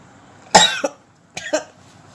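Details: Two abrupt, explosive bursts of air with a voiced catch, each with a sharp onset that fades quickly: deliberate sneezes acted for a sneezing and nose-blowing challenge.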